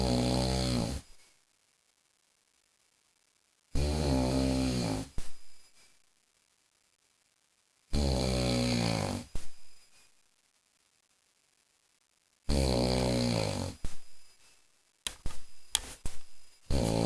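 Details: Husband snoring very loudly while 12 Angry Men plays: three long, loud, rumbling snores roughly four seconds apart, then brief snorts.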